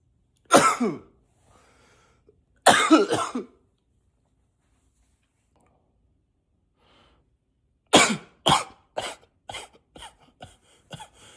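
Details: Acted, voluntary coughing, sometimes deliberately in a deeper voice: two harsh single coughs, a pause, then a run of about eight quick coughs.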